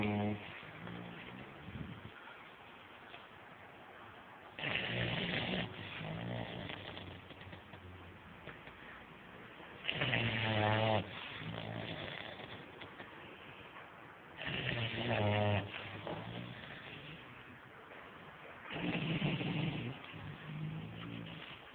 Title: Snoring bulldog